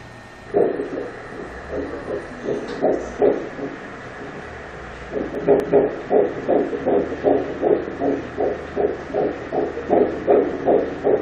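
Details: Seven-week twin pregnancy on ultrasound, twin on the right side: rapid, regular whooshing pulses of an early fetal heartbeat on Doppler, about 150–160 beats a minute; fetal heartbeat.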